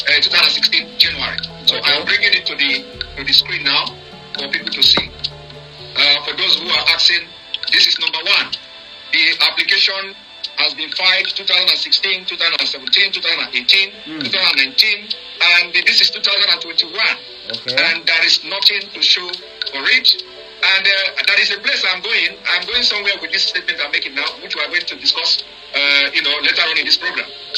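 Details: Adult man speaking, phone-like audio; normal speech.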